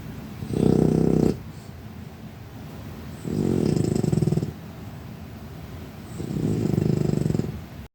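Three slow, low rattling breaths with buzzing throat vibration on each, over steady room hiss; snoring in a sleeping cat.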